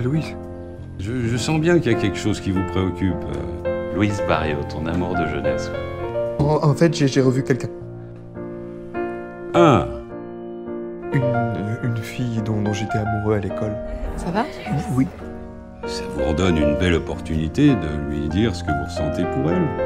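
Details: Stuttering in a 31-year-old man, now mild after much practice; part-word and whole-word repetitions audible.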